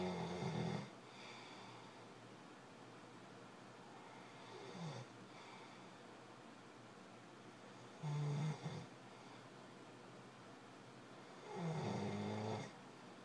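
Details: Husband's snoring during sleep, bad enough to keep his wife up at night: loud, low rattling snores on four breaths in about 13 seconds with quiet gaps; audio only; heavy snoring.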